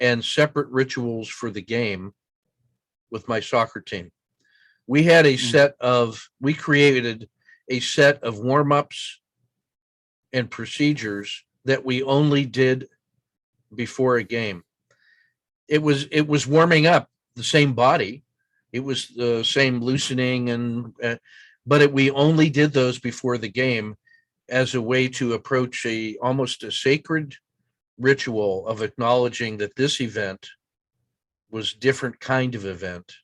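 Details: Adult male speaker; normal speech.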